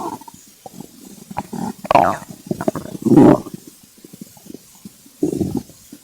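Low gurgling and bubbling rumbles with longer groaning swells, typical of ordinary hunger stomach growling.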